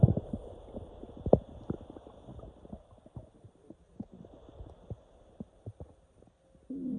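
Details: Person woke with intestinal cramps, feeling air moving inside; many short gurgles and pops from the belly in quick succession with a louder rumble near the start; active bowel sounds during cramping.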